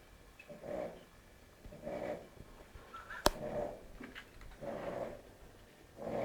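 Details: Sleeping dog: soft, rhythmic rattling breaths at about 50 a minute with a sharp click midway; snoring.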